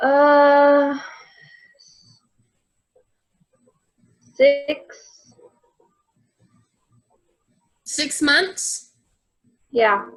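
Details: Simulated (acted) interview in a student project: woman portrayed as a recent stroke patient in a nursing home with global aphasia; non-fluent, minimal output with comprehension and word-finding difficulty; global aphasia.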